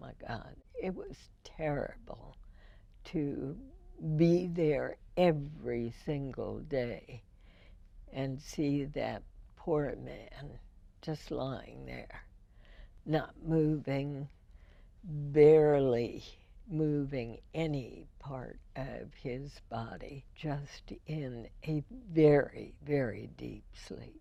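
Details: Spasmodic dysphonia in a woman, diagnosed in 1998, treated every four months with botulinum toxin injections into the vocal cords.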